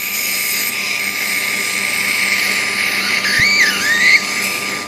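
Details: Steady high-pitched whirring of a surgical drill, its pitch wavering as it cuts bone over constant operating-room hum, during live endoscopic skull base/sinus surgery while a nasal floor flap is raised.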